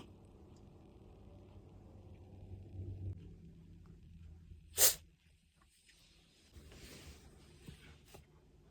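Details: Siberian cat, recorded to show the vet, later with a blocked nose: a single sharp, brief, forceful outward sneeze against quiet room noise, unlike reverse sneezing's snorting inward breaths; sneeze.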